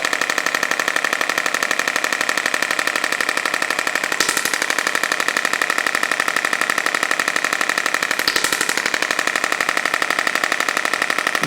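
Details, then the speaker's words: A radial shockwave device gives rapid, regular clicking pulses at about four per second over the lower back and iliac crest during a woman's first gentle treatment, about 1 cm deep, for over five years of chronic back pain. "can get up to about 6 centimeters of depth with this machine in this head. We obviously don't want to get that far today on her."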